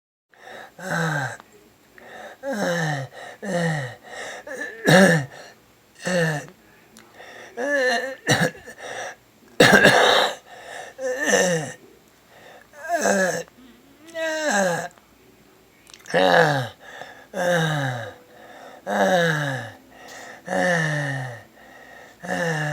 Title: Sounds of stridor#7